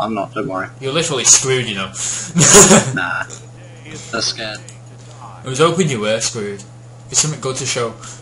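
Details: Adult male speaker; ordinary speech.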